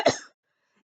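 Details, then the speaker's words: Adult with COVID-19 confirmed by nasal and throat swab, sick over a month, dry cough, shortness of breath and burning chest on deep breaths: one short harsh cough burst, then silence. "the cough was like like this but like non-stop to the point where I had a hard time catching my breath"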